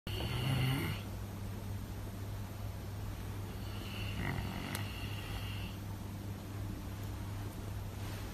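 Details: Tibetan Mastiff dog snoring: two harsh snoring breaths from a large dog over a steady low background hum; snoring.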